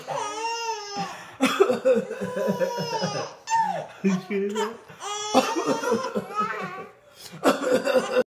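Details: An adult father gives about three sharp cough bursts, each followed by high-pitched squealing laughter from 5-month-old twin babies in a small room: ordinary cough.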